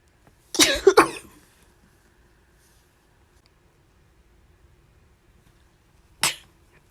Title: Sneezing